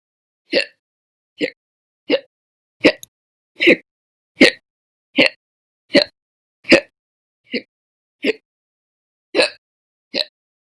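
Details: From a month-long hiccup recording series, July 2020: thirteen short, abrupt voiced hiccups at slightly irregular intervals, about 75 a minute, in a quiet room; a sustained spell of slow hiccups.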